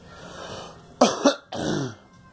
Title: Girl coughing